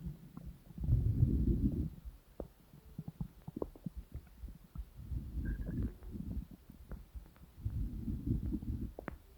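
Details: Bowel sounds.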